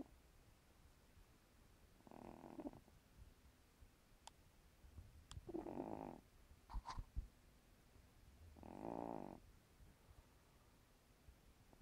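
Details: A sleeping female cat over 15 years old gives three soft, rough snoring breaths about three seconds apart, with a few small clicks and low room noise.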